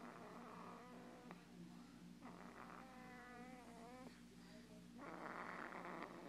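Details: A baby snoring at the doctor's office.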